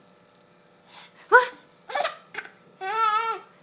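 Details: 4-month-old baby laughing with squeals broken by short, sudden catches of breath: hiccups during laughter.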